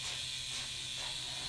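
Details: Electric microneedling pen glided over a client's facial skin by a nurse injector in a live demo, depth adjustable (about 0.5 mm on forehead, deeper on thicker cheek areas); steady high buzzing hiss of the running pen.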